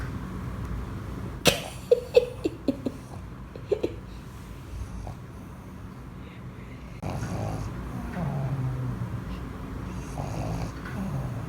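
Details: Dog asleep on its owner with its eyes open: short snorting, clicking snuffles followed by softer rough breathing; snoring.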